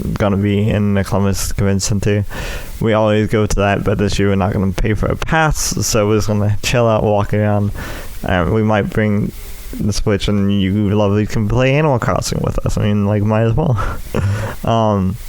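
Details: Adult male with cerebral palsy affecting the right side of his body (right leg and arm), which he says also causes his speech impediment; speech impairment due to cerebral palsy.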